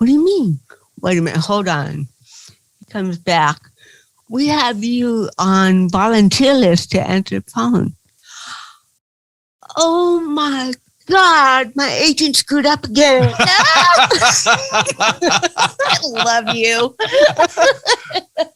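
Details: Adult woman with cerebral palsy speaking in an interview: dysarthria (cerebral palsy).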